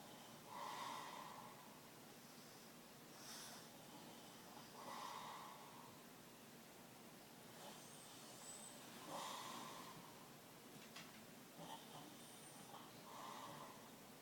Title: Snoring master and his fully awake bulldog